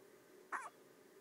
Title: the cutest baby hiccups ever